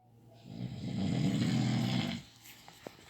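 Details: One loud, low, rattling snore lasting about a second and a half, rising then fading on the in-breath; snoring.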